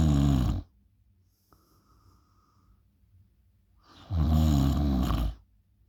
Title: My sexy loud snoring 😊😴